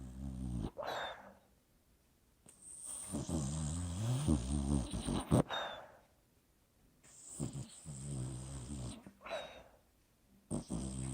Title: Sleeping & snoring Shiloh Nov 2020 Thanksgiving #熟睡打呼的狗狗#可爱狗狗